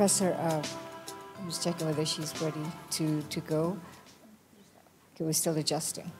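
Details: Adult speaker; normal voice.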